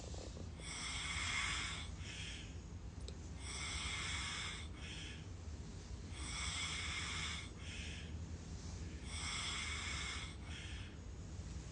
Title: Ain’t nobody safe when they sleep around me🖕🏾#snore #wife #comedy #subscribe #saintlouis #sleepy